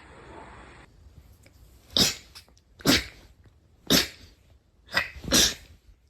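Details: Four sharp, explosive bursts about a second apart, each with a quick intake before it; a run of repeated sneezes.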